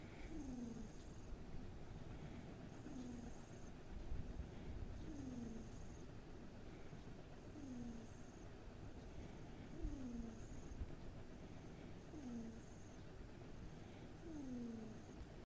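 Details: Snoring from a sleeping cat: steady rhythm, with a falling low rasp and a faint high whistle on each breath.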